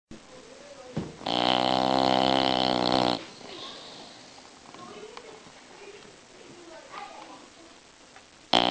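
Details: Bulldog snoring.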